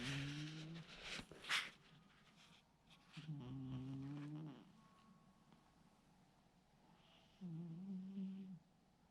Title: Cat Snores Like A Human